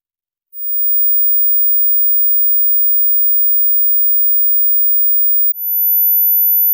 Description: This video is made for checking simply hearing capability of humans.